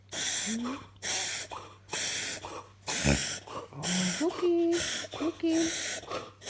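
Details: Beagle named Luke makes repeated loud, harsh snorting inhalations about once a second while the owner soothes him; reverse sneezing episode.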